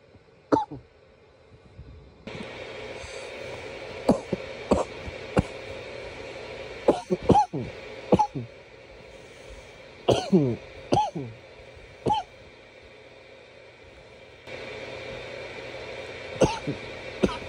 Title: nearly 10 minutes of coughing